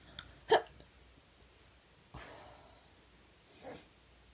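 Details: Male speaker with Tourette syndrome producing involuntary vocal tics, which he describes as hiccup-like sounds that can be painful; vocal tic (Tourette syndrome).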